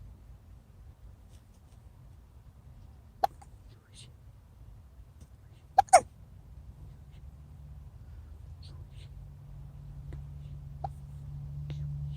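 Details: Baby with hiccups: a few sharp, brief catches, spaced irregularly over several seconds in a quiet room.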